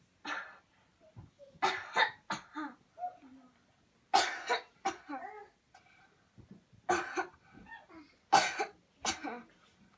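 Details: Repeated deliberate deep coughs with brief breaths and soft voiced sounds between, after paced breathing counts; voluntary coughing demonstrated as a cleansing-healing clearing technique.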